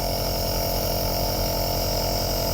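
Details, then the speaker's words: Nebulizer compressor running with a steady mechanical hum and fast regular low pulsing, as a little girl with a cold holds the mask herself during nebulization. "Natasha ने वापस स्टार्ट करी मशीन, और ये अपने हाथ से पकड़ के अरे वाह यार नट्टू।"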